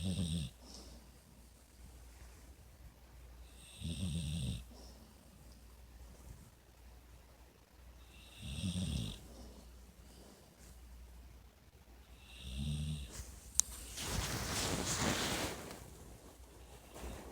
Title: My dog snores